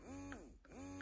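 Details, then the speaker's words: Portable Baby Buddha electric breast pump on its first "massage" setting: a steady motor whine dipping and rising in many short pulls. "okay so let's turn this thing on the first setting is actually going to be what I call kind of the massage setting"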